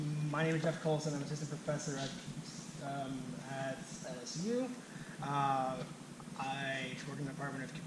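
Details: Adult man who stutters, himself a speech-language clinician specialising in stuttering and fluency disorders; stuttering.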